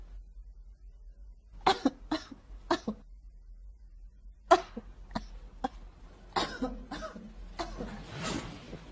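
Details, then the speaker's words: Simulated cough acted by an adult for comic effect: repeated forceful coughs in two heavy, drawn-out runs. "number three mas subtle mas nuanced may pagpipigil may pagtitimpi ubong pang supporting cast"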